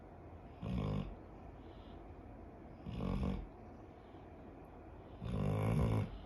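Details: An 11-year-old female dog snores while asleep, giving three loud, low rattling snores at about 25 a minute over faint steady background noise.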